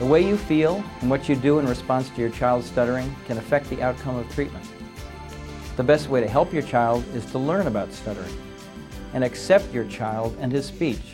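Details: Adult male narrator; normal fluent speech.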